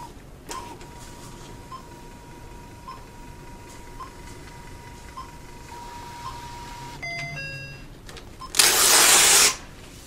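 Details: Steady electronic tone with soft periodic ticks, then beeps and a brief whir of the printout as an ECG machine records an adult man lying still on a couch, breathing normally, with leads attached.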